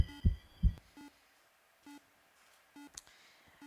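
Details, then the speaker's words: Normal heart sounds heard with a real stethoscope on a holographic simulated patient, a man presenting with right-sided weakness and suspected stroke; aortic then pulmonic areas, a single clean lub-dub, no atrial fibrillation, no murmurs, with electronic beeps. "no sign of atrial fibrillation and no murmurs"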